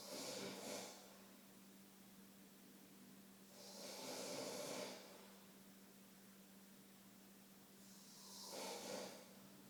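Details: Snoring-type sleep breathing: slow, noisy, hissing breaths about 15 a minute over a steady low hum.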